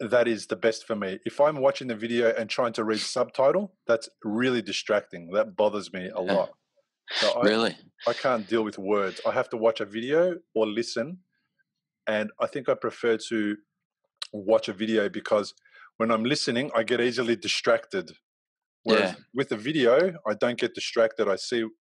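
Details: Adult male speaker; ordinary speech.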